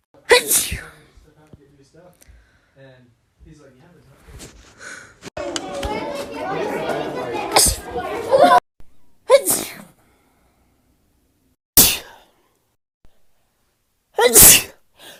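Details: Woman's rapid sneezes, compilation: several sharp sneezes in quick succession, with brief speech and background music between them.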